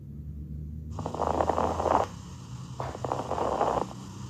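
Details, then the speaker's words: Teaching demonstration of abnormal lung sounds: two breaths carrying brief, fine crackling pops, fine crackles (estertores finos) produced by small collapsed airways opening. "ahora continuaremos con los ruidos pulmonares anormales iniciaremos con las capitaciones finas estertores finos"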